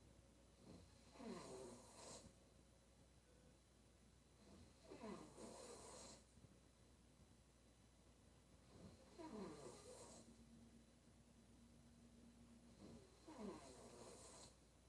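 Rough, fluttering snores on each breath in, about 15 a minute, with quiet breathing out between; snoring during sleep.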